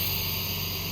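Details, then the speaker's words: Steady airy hiss of a nebulizer started with its start button, delivering medication mist through a ventilator circuit set up to give high-flow nasal cannula (HFNC) to a child; nebulizer running in ventilator circuit. "Start button ഞെക്കി കഴിഞ്ഞാൽ ഇതിലേ കൂടെ fumes വരുന്നതായിരിക്കും ഇപ്പോ നിങ്ങൾക്ക് sound കേൾക്കാമെന്ന് ഞാൻ കരുതുന്നു fuse വരുന്നതായിരിക്കും ദാ"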